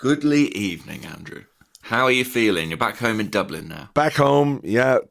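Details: Adult male speaker, podcast conversation; normal voice.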